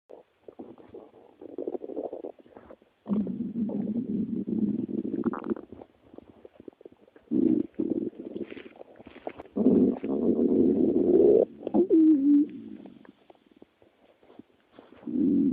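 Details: Long gurgling, rumbling growls in bursts with quiet gaps between: ordinary stomach growling from gas and fluid moving through the gut.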